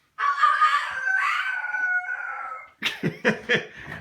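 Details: Child with a cough (not a smoker's cough): a long, high, crowing sound, then a run of short, rough, hoarse coughs; hoarse cough.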